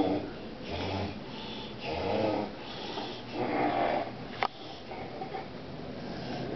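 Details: Heavy snoring from a sleeping man around 4 a.m. after six hours in the studio: loud, rhythmic rattling snores on each breath in, about four cycles in under seven seconds, with faint room noise.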